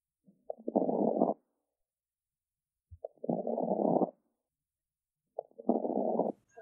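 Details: Fine crackles: three breath sounds with fine, crackling texture late in inspiration, heard at the lung bases (bibasilar), during a cardiovascular examination.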